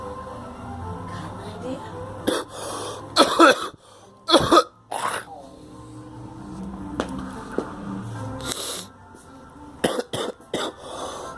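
Several short, harsh cough bursts in a few clusters, with faint music and room noise behind.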